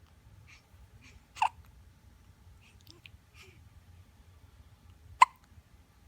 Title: Super cute! More hiccups